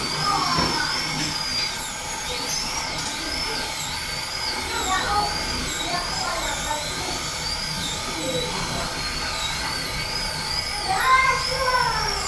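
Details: High, wavering whine of a dental surgical drill rising and falling over steady room noise, cutting and sectioning a lower right wisdom tooth during extraction under local anesthesia.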